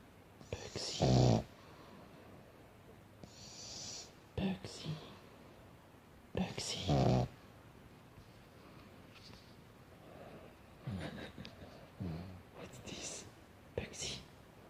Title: Pug Hilariously Snores With Eyes Open and Tongue Out of Mouth